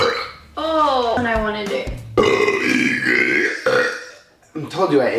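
Several loud, drawn-out voiced belches in a row, with brief talk and music between them. Repeated burping.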